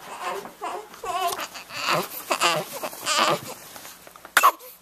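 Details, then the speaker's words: Newborn boy about 18 days old (born March 5, recorded March 23) waking: short fussy cries and whimpers in bursts with a brief squeal near the end; ordinary infant crying. "so i come home and it sounds like somebody's awake"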